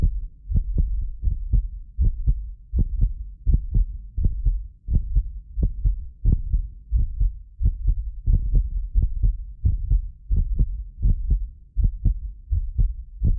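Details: Heartbeat of a self-described medically fit person, recorded with more than six precision contact microphones; steady deep lub-dub about 85–90 a minute, occasional doubled clicks from the roughly 6 ms microphone delay, not the heart; normal heart sounds.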